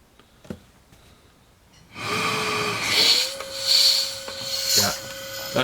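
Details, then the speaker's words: ResMed CPAP machine just under 5 years old, running a mask fit: loud hissing airflow with a steady whine that rises and holds, very loud; motor/turbine suspected worn or failing, noisy CPAP motor. "yeah maybe the motor shot that's pretty bad yeah yeah that's very loud"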